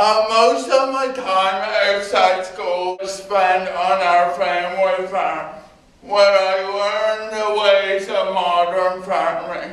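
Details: Adult man with cerebral palsy giving a talk about his own condition; no speech disorder explicitly named; dysarthric speech (cerebral palsy).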